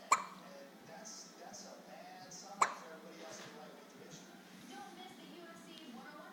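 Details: Infant hiccups: two sharp hiccups about two and a half seconds apart, over soft background voices and faint music.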